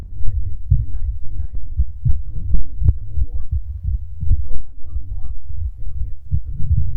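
Rapid, regular low thumping heartbeat, muffled, with indistinct voice-like sounds over it; a fast heartbeat.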